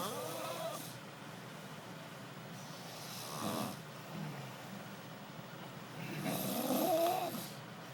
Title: EPIC SNORE